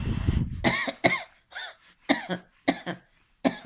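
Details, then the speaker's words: Woman who recently had a cough demonstrates coughing after a held breath: about five short, slightly wet, loose cough bursts bringing up a little sputum; a productive cough. "у меня немного есть я недавно кашляла У меня есть немножко Вот мокрота"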